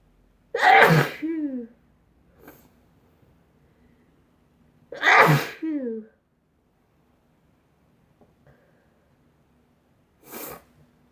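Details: A person sneezing with a tickling nose and watering eyes: two loud, full sneezes, each a sharp burst trailing into a voiced tail, then a softer third burst.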